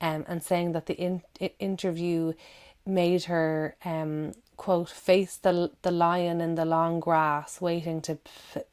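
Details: Adult woman who stammers, giving a recorded talk; repetitions of words and syllables audible; stuttering.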